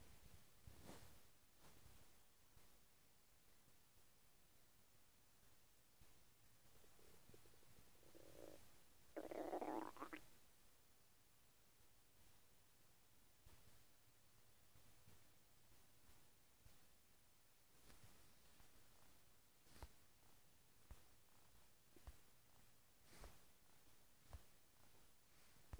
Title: my stomach is making noises like a frog